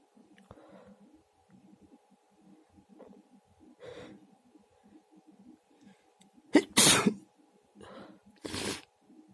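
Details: Male: soft breathy build-up followed by two loud, explosive sneezes, each with a short in-breath before it.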